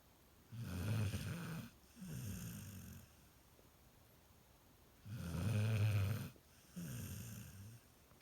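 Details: Golden retriever puppy snoring: deep, rumbling snores on each breath in, softer snoring on the breath out, quiet pauses between; loud snoring.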